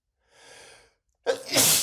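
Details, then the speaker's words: Soft breathy intake, a pause, then one loud explosive sneeze from a male's theatrical, cartoon-style sneezing fit; he tried to stop the sneezes with a finger under his nose, without success. "I'm so sorry about my nose. I'm so sorry. I really can't help it. If I could, I would stop sneezing, but I can't."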